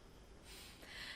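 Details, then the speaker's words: A sleeping dog gives a brief, rough snorting breath, faint against quiet room noise: dog snoring. "if you hear the snoring that's my dog"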